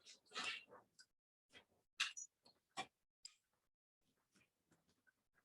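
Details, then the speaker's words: Imitated pleural friction rub from a medical propaedeutics class: short, scratchy, creaking bursts representing visceral and parietal pleura rubbing together, indicating pleural disease such as empyema or effusion. "Pleura con pleura. Recuerda que tengo una pleura visceral y una pleura parietal. Y se están frotando. Cuando te encuentro frote pleural, estamos hablando de un problema de la pleura."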